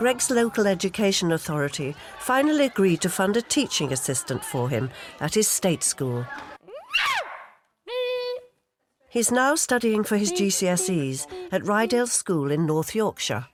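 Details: Adult narrator; normal speech.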